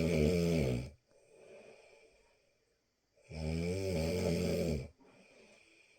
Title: Ronquidos para dormir... Snoring to sleep...